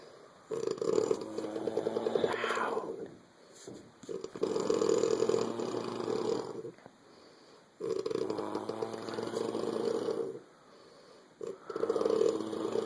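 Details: Woman snoring like a dirt bike, two sounds at once, though she denies snoring: loud, buzzing, rattly snores on each breath, about four in twelve seconds, with quiet pauses between; heavy snoring.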